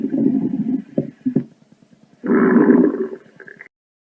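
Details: Stomach growling (borborygmi): low gurgling growls from the belly in two long bursts, with brief gurgles between them.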